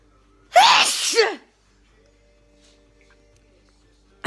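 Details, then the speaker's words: Sneezing in a person with an allergic tendency who once sneezed about seven times per fit, later 12 to 14. Fits now last four to five minutes, the second today: one loud, explosive sneeze with a voiced ending, then quiet. "I can remember years ago I used to all sneeze about seven times and let it stop and then the order I got went to about 12 times and then 13 times then 14 times and then it would stop"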